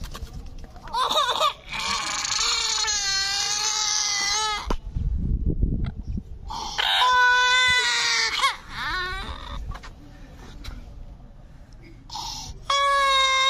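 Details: Baby weeping with a parrot nearby: repeated high, wailing cry bursts with short pauses and breaths between; it may be the infant or the parrot imitating a baby; crying.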